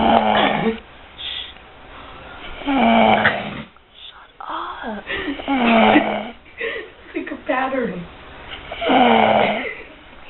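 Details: A sleeping baby snoring loudly and roughly, with whistling, wheezy tones on each breath, about 21 breaths a minute, somewhat irregular.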